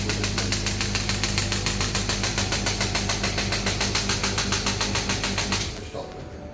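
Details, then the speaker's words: Demo of a third-generation ballistic-pressure shockwave therapy physiotherapy machine started with its compressor running: fast, even mechanical knocking about three pulses a second over a compressor hum, then stopping; the shockwave handpiece firing. "Start का button दबाएंगे। Start हो गई। Machine को start कर देंगे।"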